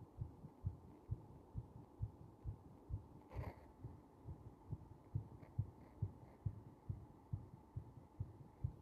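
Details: Heartbeat recorded with the chest pressed: regular low thumps at about 68 beats a minute, a slightly slow rate.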